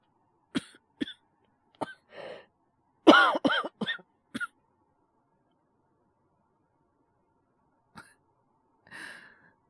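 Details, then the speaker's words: Acted cough from a male voice actor playing a wolf boy with a cold: a series of short dry coughs and throat clears, some in quick runs, in a quiet room; all performed, not real illness. "あ、いや、悪い。ちょっと風邪気味で。"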